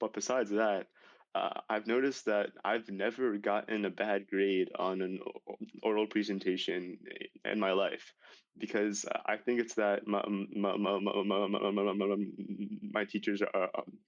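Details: High school senior male with stuttering that began severely at age 10, in speech therapy for six years; stuttering.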